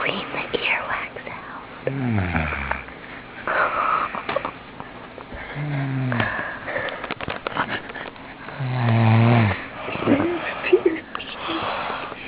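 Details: A sleeping girl with repeated rattling, wheezy snores while others whisper and talk faintly in the background, teasing her; snoring.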